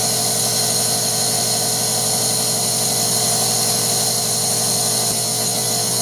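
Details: Guinea pig with a minor upper respiratory infection receiving vet-prescribed medication by nebulizer: continuous loud motorized whirring and hiss with no breaks from the running nebulizer compressor.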